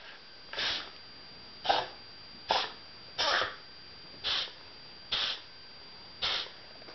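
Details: Cough.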